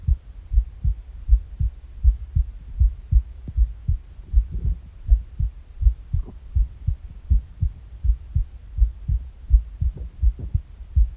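Steady low thumping heartbeat at about 80 beats a minute, with occasional gurgling bowel noises from an empty stomach; normal heart sounds.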